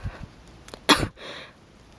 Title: some sneezes